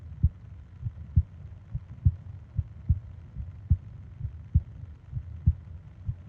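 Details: Sleep ASMR heartbeat and breathing recording: steady, regular low heartbeat thumps about 70 a minute with a soft rushing background; normal heartbeat.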